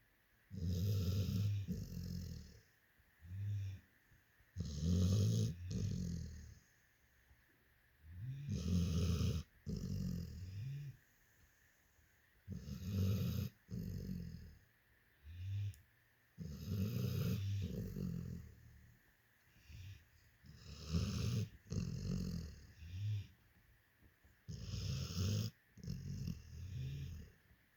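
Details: A sleeping Labrador dog snores in rough, low rattling bursts, about 15 breaths a minute, with quiet pauses between; snoring.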